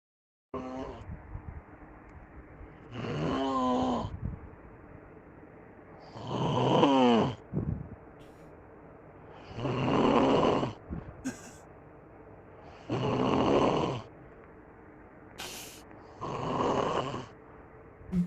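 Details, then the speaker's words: Loud, rhythmic snoring from a sleeping adult man, recorded at night by his mother: harsh rattling snores about every three seconds. "a mãe dele gravou ele roncando quer ver cadê cara o primeiro ronco que ele dá parece que é sacanagem"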